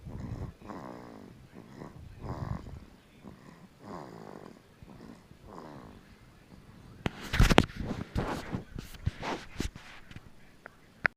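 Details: Snoring in a 2-month-old infant boy asleep: soft, rhythmic rattling breaths through the nose, followed by louder snorts and rustling noise; infant snoring.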